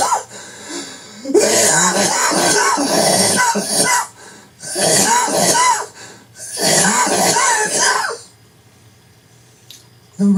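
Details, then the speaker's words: Adult with cancer since 2004 on Alimta chemotherapy every 3 weeks, with voice loss since June 2008: three harsh, rapid, dry hacking coughing bouts, painless and nonproductive, about 15 coughs per bout, about 50 times daily; paroxysmal dry cough. "it sounds absolutely terrible there's no pain and there's nothing in my mouth there's nothing I cough up"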